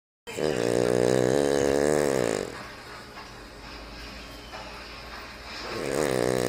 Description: King Charles Cavalier snoring loudly